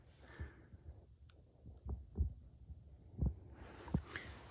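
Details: Normal heart sounds auscultated on an adult during a head-to-toe physical examination, listened to with the stethoscope diaphragm and then the bell, including at the third left intercostal space (Erb's point).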